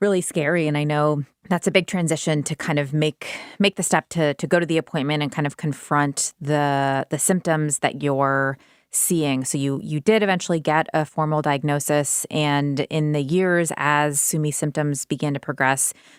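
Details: Adult woman; normal speech.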